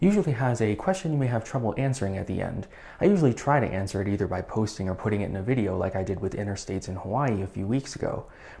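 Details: Adult male speaker; Normal fluent speech.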